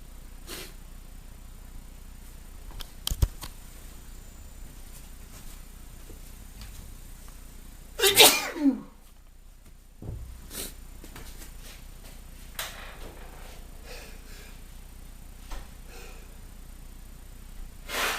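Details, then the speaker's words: Man with hay fever after being outside in pollen: one loud, forceful sneeze among quiet sniffs, part of a sneezing fit lasting about half an hour; allergic sneezing. "I've had enough now. Oh, about half an hour's worth of sneezing."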